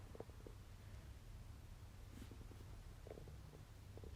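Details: Stomach noises while digesting a wagyu steak meal: low gurgling and bubbling over a steady rumble, ordinary digestive bowel sounds.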